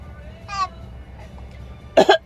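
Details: A cat makes a brief tonal call, then two sharp, harsh bursts like a short cough or hack; cough.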